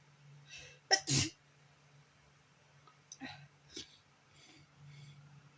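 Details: Sneezing on a bad allergy day: a sharp double sneeze burst, followed by a few softer sniffs and nose-blowing sounds.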